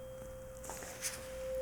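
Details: Simulated ASMR roleplay hearing assessment: struck tuning fork tone held behind the ear on the mastoid during a Rinne test; tuning fork tone, Rinne test mastoid position.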